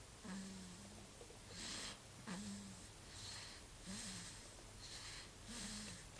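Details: Soft, regular snoring breaths with a brief whistling note on each, about 38 per minute, over faint room noise.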